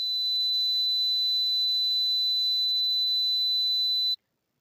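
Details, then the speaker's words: Tinnitus-checking app test sound, one of nine, each played about five seconds: steady high-pitched pure tone over soft hiss, simulated ringing-type tinnitus. "आगे नंबर 2, अगर आपको इस तरह की आवाज़ सुनाई दे रही है तो आप अपने डॉक्टर को बता सकते हैं।"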